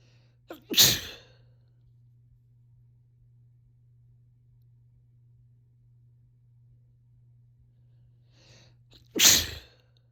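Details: Two separate sharp, explosive sneezes, each with a brief in-breath before it, in a quiet room; sneezing.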